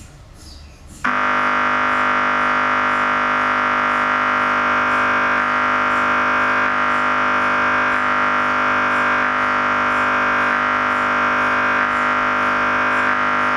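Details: MRI scanner noise during a scan: a loud, steady electronic buzzing tone with fast, regular pulsing.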